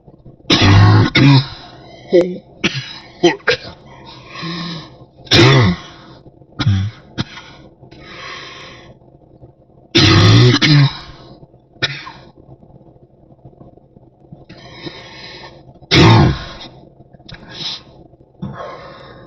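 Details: Deep cough in a person who suspects a cold or the flu: several deep, harsh coughs, each followed by quieter throaty sounds, repeated across the recording.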